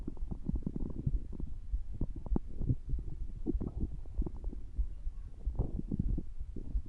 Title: stomach growling